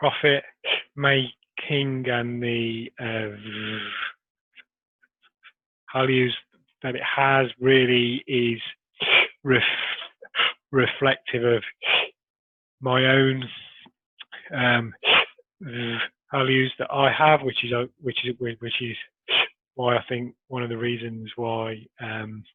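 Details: Adult man who has stammered since early childhood, with blocks and repetitions persisting despite Starfish Project technique; stuttering.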